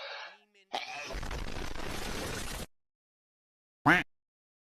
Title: Sneezing in Public VS Sneezing at Home